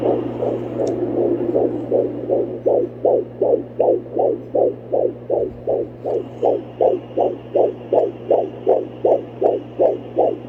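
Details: Fetal heartbeat on Doppler at almost 17 weeks pregnant: rapid, regular galloping whooshes about 158 per minute over a steady hum; fetal heartbeat.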